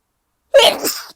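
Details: A single forceful sneeze, a sharp explosive burst trailing into breathy noise, in a person sneezing a lot lately who suspects a new allergy.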